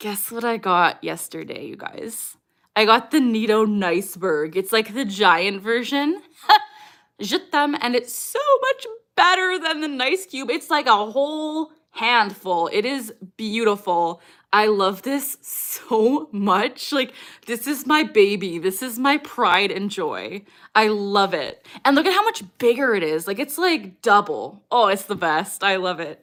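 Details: Adult woman with Tourette syndrome; recurring vocal tic "je t'aime" mid-sentence; vocal tic (Tourette syndrome).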